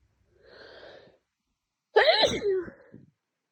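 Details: Adult with a severe head cold, two days in, nose burning, repeated sneezing: audible in-breath, then one loud explosive sneeze trailing into a voiced groan.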